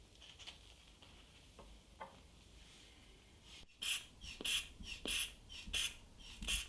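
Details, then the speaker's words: Korotkoff sounds as a medical student takes a patient's blood pressure: faint taps give way to louder, regular tapping at about 90 per minute. "van a ver acá este estudiante de medicina está tomando en la presión a un paciente y se escuchan los ruidos de coros pongan atención a los sonidos del cuerpo"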